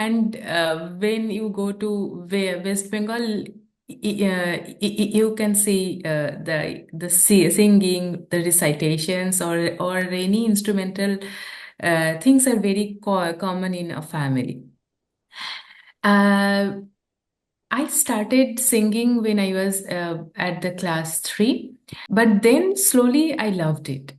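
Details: Adult woman who stammers, onset at age 13 or 14; sound repetitions; stuttering (stammering).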